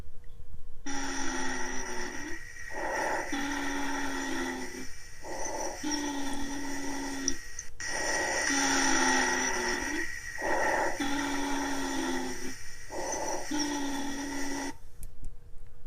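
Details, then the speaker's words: Teaching audio recording of asthma wheezing from airways narrowed by tightened muscle bands: musical, whistling tones with each breath, repeating through several breath cycles. "त्यो फरक किसिमको आवाजलाई हामीले व्हिजिङ भन्छौँ। र यो व्हिजिङ कस्तो हुन्छ त भनेर अडियो रेकर्डिङ म यो अर्को क्लिपमा देखाउँछु।"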